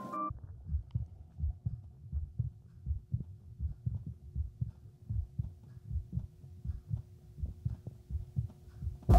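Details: Normal heart sounds: regular paired sounds at about 85 beats a minute, recorded with a Littmann CORE digital stethoscope placed over the shirt.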